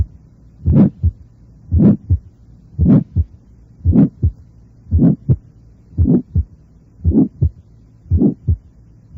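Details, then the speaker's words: Innocent systolic murmur with its lowest frequencies filtered out, making it sound higher-pitched like mitral regurgitation: regular simulated heartbeat of about 57/min with a vibratory systolic murmur; bell recommended. "nuevamente volveré a mostrar lo que sucede con el timbre de un ruido astro cuando se eliminan sus frecuencias más bajas"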